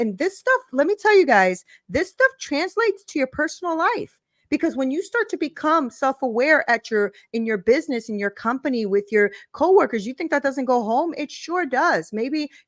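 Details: Adult speaker; typical speech.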